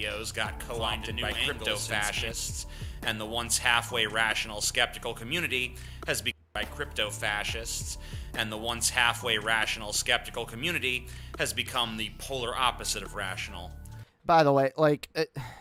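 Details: Adult male speaker; typical speech.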